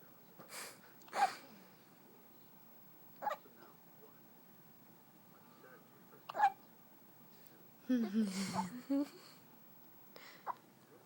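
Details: Newborn baby girl, less than one day old, 7 lb 11 oz and 21 inches long, with hiccups: brief sharp catches at irregular intervals of a few seconds, with a short fussy vocal sound between them.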